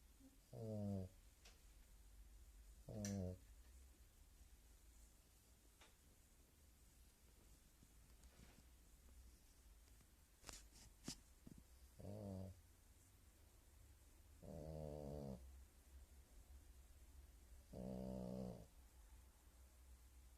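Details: Slow, regular rumbling snores on each in-breath, about six in twenty seconds, in a quiet room; snoring.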